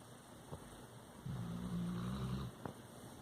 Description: Labrador Retriever dog Jackson snoring in his sleep.